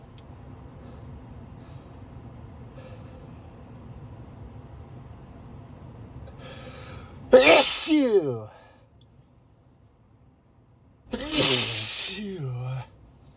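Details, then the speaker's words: Driver commuting to work with allergic sneezing despite daily morning medication, suspects high pollen count; two full, voiced sneezes a few seconds apart over steady car noise. "Let me see E [snorts] I think it's the pollen [snorts] pollen count is really high today. [snorts] [snorts] Oh god, [snorts] I really like sneezing but not while driving."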